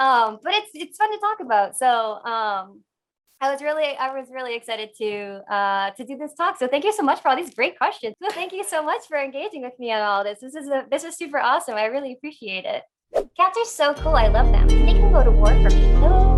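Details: Adult woman with Tourette syndrome whose tics returned in February 2020 after past episodes; complex vocal tics of full random phrases that interrupt her speech.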